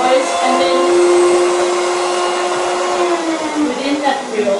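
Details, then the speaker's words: Steady high motor whine with airy suction noise: a podiatry drill spinning a sanding disc, with a built-in vacuum drawing off skin and nail dust, in a podiatrist's equipment demonstration. "you've got a vacuum cleaner so the dust coming away is sucked into this little area here and so at the end of every day that's got to be cleaned out and empty"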